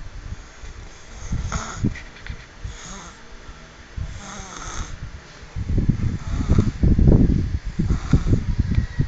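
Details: Tired sleeper: low, rattling snores with snorting breaths, growing louder toward the end; snoring.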